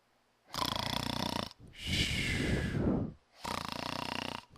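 Loud, rough, vibrating snores on two breaths in, with a noisy breath out between them: typical snoring.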